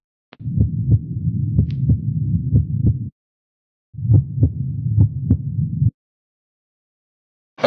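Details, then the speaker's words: Heart auscultation at the apex beat after 15–20 exercise movements, patient's arm behind head: two stretches of fast, regular heartbeats over low stethoscope rumble; heart sounds clear and rhythmic; normal heart sounds after exertion. "Оцениваем результаты аускультации. Тоны сердца ясные, ритмичные."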